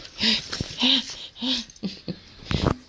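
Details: Loud, rapid, effortful breaths with a voiced catch, acted to imitate very heavy panic breathing to trigger a PTSD service dog's jump-up alert, with dog sounds and movement noise; heavy breathing (acted panic).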